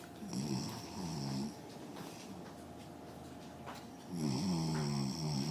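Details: A parent filmed asleep by their son, snoring: rough, buzzing snore sounds with a low hum between them, over faint room noise.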